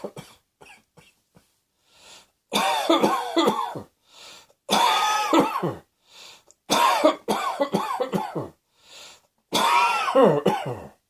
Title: Cross Dressing Coughing 5